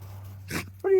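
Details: A dog sneezes once, short, sharp and breathy, followed by a brief high whine, before his run outdoors as snow melts; sneeze.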